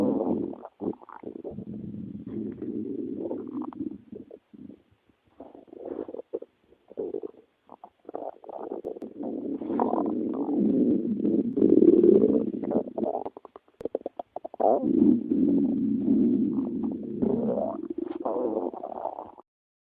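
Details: Long, gurgling, rumbling bowel sounds with bubbly bursts and brief pauses: stomach growling (borborygmi).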